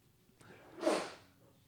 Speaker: Gesundheit. We got sneezing in the studio.